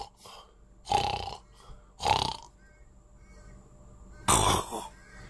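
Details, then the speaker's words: Adult man with sleep apnea imitating his own snoring while awake: three short, harsh snorting noises at uneven gaps. "so I've always had it I think because that's that sound you know when you're snoring"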